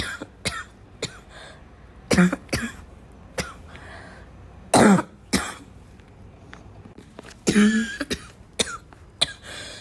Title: I'm coughing a lot